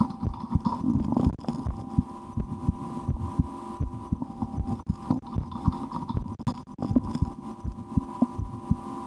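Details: Adult's own heartbeat through a stethoscope in an ASMR recording, with breath-holding and a game to speed the rate; steady soft thumps about 85/min with humming and post-lunch stomach gurgles behind; normal heart sounds.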